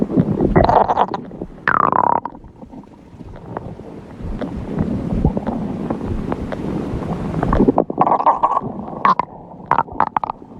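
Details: Stomach growling: long gurgling, rumbling and squeaky bubbling bowel sounds with some microphone rustle.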